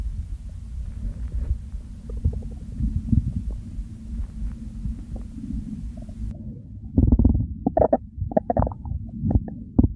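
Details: Real hunger-phase stomach growls: low rumbling and gurgling with bubbling pops and squeaks, louder near the end; normal hunger borborygmi.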